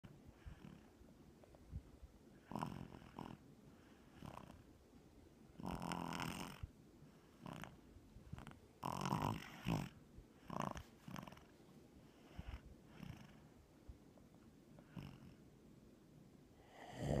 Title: Snoring baby